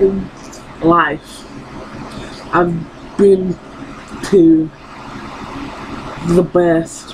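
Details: Woman who has stuttered her entire life and still stutters despite speech therapy; finding: stuttering.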